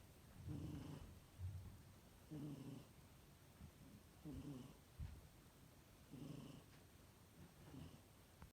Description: Little Foot ‘ Kit~ten’ also known as’Squeak’ is sound asleep and snoring ~ cuteness